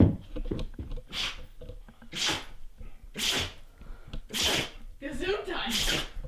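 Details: Female dog sneezing repeatedly: five forceful, hissing sneezes about one per second in quick succession.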